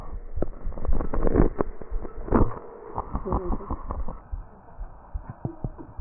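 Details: Tracheal recording from a real patient: coarse popping crackles and low rattling rhonchi, with loud cough bursts; tracheal crackles and rhonchi with cough.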